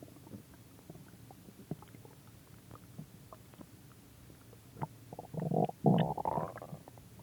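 Soft scattered gurgles building to a louder bubbling rumble near the end; ordinary stomach growling from gas and fluid moving through the gut.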